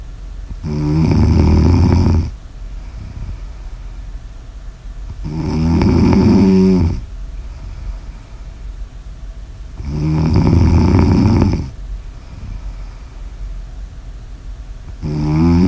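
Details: Snoring ASMR audio recording: loud, rough, low snores on each in-breath, about four per minute here, with quieter breathing between.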